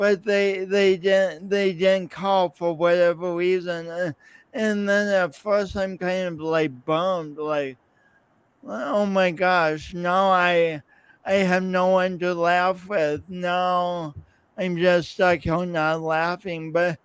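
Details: Real male's lifelong speech impediment with coordination differences, his own condition; repetitions in speech; finding: speech impediment.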